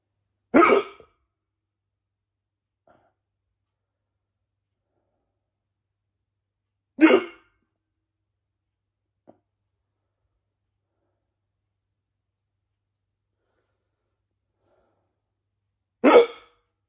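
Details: Bad hiccups at Christmas, three abrupt sharp gulping catches of breath separated by several seconds of silence.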